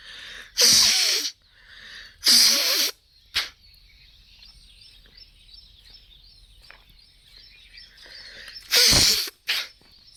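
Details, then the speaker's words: Three loud, forceful sneezes, each with a short follow-on burst, faint birdsong behind; sneezing deliberately induced by lightly tickling inside the nose as a nose-cleaning kriya for blocked nose, sinus, migraine; induced sneezing. "उसको नाक में खुजली करनी है हल्की हल्की और जब भी छींके आती है सनेज होता है तो उसको आंखें बंद करके सनेज करना है सनेज का एंजॉय लेना है बहुत ही रिलीफ मिलेगा"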